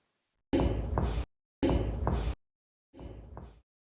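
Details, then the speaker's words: Finger percussion above the clavicle, moving from clear to dull: three taps, the last softer and duller, the dull note marking the normal upper lung border about 2–3 cm above the clavicle, anterior side. "And here is the dull sound. Normally, it is basically from the clavicle 2 to 3 centimeters above. This is the location of the upper border of the lungs."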